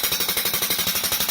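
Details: Rapid, regular sharp tapping pulses, about fifteen per second, from a shockwave therapy handpiece with a rubber cap, demonstrated by firing it against a hand; the device is used for plantar fasciitis and Achilles tendonitis.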